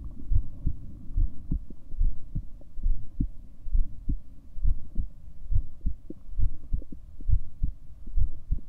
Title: 7 min recording for my heartbeat sounds